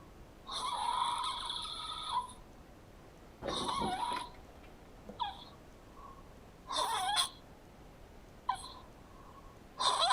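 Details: Snoring in a man: loud rasping breath noises in irregular bursts with pauses between them.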